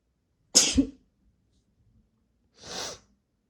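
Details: Induced sneezing: one sharp, explosive normal sneeze followed about two seconds later by a softer, muffled half-stifled sneeze.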